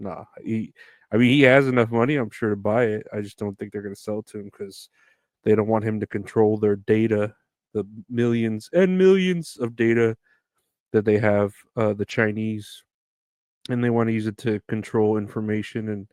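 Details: Adult male speaker; ordinary speech.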